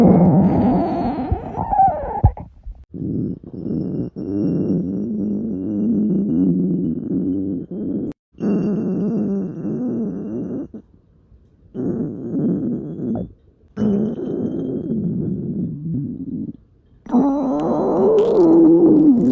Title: お腹が鳴る女の子 A girl's stomach growling